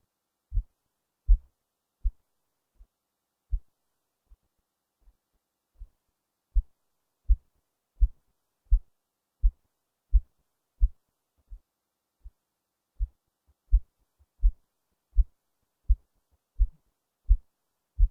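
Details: Own heartbeat recorded under the left breast with a low-quality microphone: regular, faint, muffled low thumps at about 80 a minute; normal heart sounds, poor recording quality.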